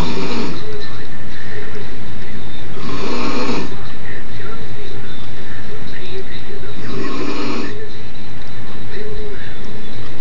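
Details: Adult woman in a hospital bed, recorded by a fellow inpatient, snoring extremely loudly despite failed attempts to wake her: loud, rough snores about every four seconds over steady background hum; snoring.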